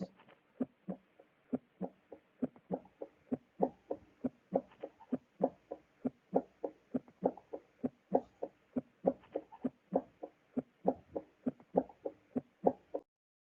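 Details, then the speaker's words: Normal first and second heart sounds auscultated in a medical-student cardiology lesson on the precordium: steady, crisp paired sounds in a regular lub-dub rhythm. "como podemos observar aquí tenemos la representación auscultatoria de ambos ruidos"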